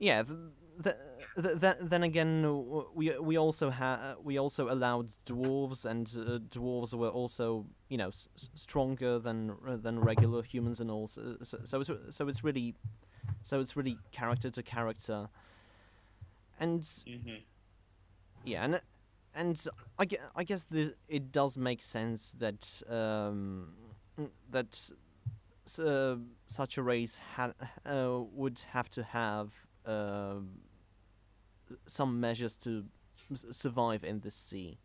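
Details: Stuttering in a male podcast host who describes himself as a stammerer.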